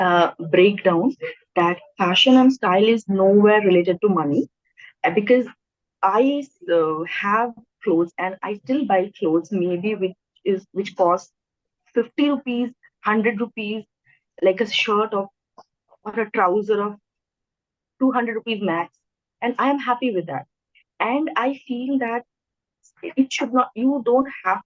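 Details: Adult woman who stammers, speaking naturally in a real podcast interview; stuttering.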